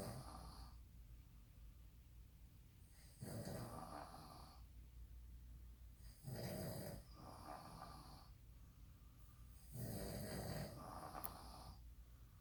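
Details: A father and son snoring loudly while asleep on the last night of a trip: repeated low, rattling snores about every three seconds over a steady room hum.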